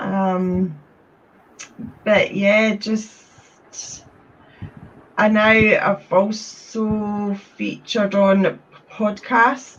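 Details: Stuttering in a woman from Scotland who describes having had a speech condition.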